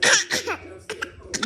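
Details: Young girl giving a few short, breathy pretend coughs, a playful voluntary (fake) cough rather than an illness cough.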